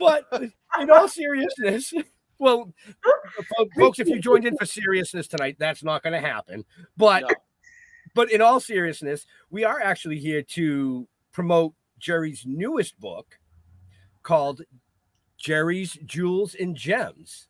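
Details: Adult speaker; normal speech.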